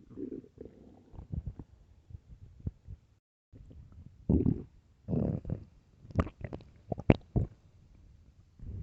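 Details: Loud hungry stomach growls: irregular gurgling and growling rumbles with short squeaks from an empty stomach.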